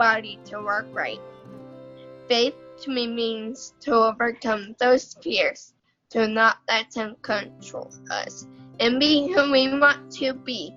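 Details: 16-year-old girl with cerebral palsy, in a family with a rare mitochondrial neurodegenerative disease affecting muscles and nerve connections; doctors predicted she would never talk; dysarthria (cerebral palsy).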